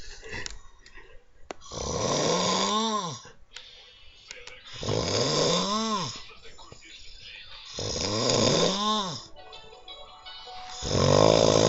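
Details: Snoring: repeated rasping snores roughly every three seconds, each ending in a rising-falling, whistle-like tone, with music in the background.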